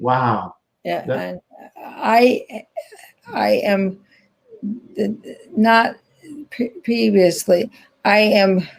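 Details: Adult woman with post-stroke language impairment after a stroke in 2010, in ongoing rehabilitation therapy, speaking naturally in an interview; aphasia.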